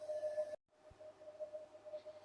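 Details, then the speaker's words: Fractional CO2 laser machine firing in intelligent mode with suggested scar-treatment parameters after standby, ready and pedal press: steady mid-pitched electronic emission tone, briefly cut off, then faint beeping. "Now we click standby and click ready. Step the pedal and the laser is out."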